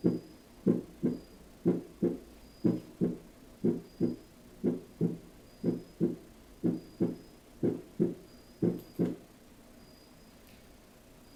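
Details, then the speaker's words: Cardiac auscultation teaching demonstration with a stethoscope: a regular heartbeat at about 60 a minute, each beat a paired lub-dub. Normal first and second heart sounds, S1 marking the start of systole. "eso quiere decir que el corazón se llena de sangre entonces ahorita vamos a escuchar el ruido que se produce en la sístole"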